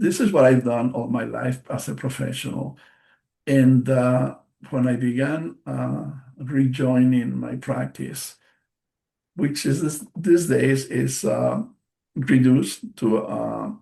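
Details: Aphasia after a stroke in March 2020 in an adult male bilingual speaker, a non-native English speaker.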